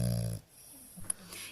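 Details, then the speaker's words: A single short, low, buzzing snore from a sleeping French bulldog, then quiet breathing; the owner finds the snoring relaxing. Snoring. "guess what peeps I don't throw this little mate out of my bed for snoring or for farting talk to you soon bye"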